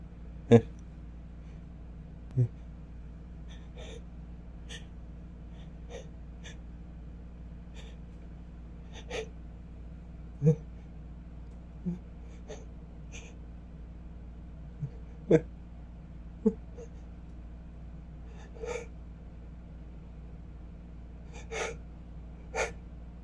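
Repeated short sharp inhalations and catches, building toward a sneeze that never fully releases.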